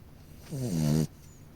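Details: Dog snoring: a single short, low, rattling snore lasting about half a second, with quiet room noise before and after.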